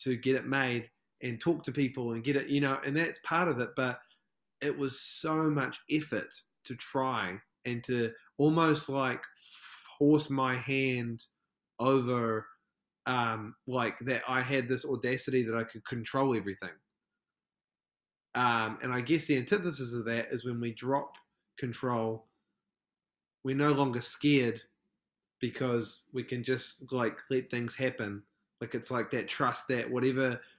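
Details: Stuttering in an adult male from New Zealand who describes himself as a proud person who stutters; podcast interview.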